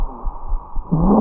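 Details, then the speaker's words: Stridor, a serious late sign of upper airway obstruction that starts as an inspiratory sound and progresses to inspiratory and expiratory; causes include stenosis, swelling, obstruction, burn oedema, tumours and angioedema. "a straddle will begin as an inspiratory sound and as it progresses will transition to both inspiratory and expiratory it can be caused by stenosis swelling physical obstruction edema from burns tumors and angioedema from allergic reactions"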